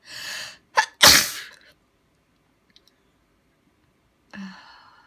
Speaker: Gonna sneeze again. Gonna sneeze. Gonna sneeze. I'm gonna sneeze.